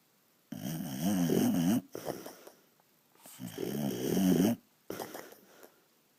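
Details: Sleeping dog lying on its owner, snoring loudly enough to wake the owner: rattling snores, two long inhaled snores each followed by a softer outbreath.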